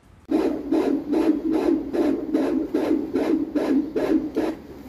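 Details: Fetal heartbeat on Doppler: rapid, regular whooshing pulses at about 150 beats a minute.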